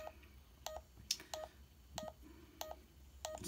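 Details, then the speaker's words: Pulse oximeter pulse tones from a Checkme Pro device with the sensor on the index finger, recording oxygen level; result was heart rate 91 and oxygen 99. "so this is the live um screen for your plus oxygen level and if you hit the play button or the record button it's going to start recording and analyzing your results"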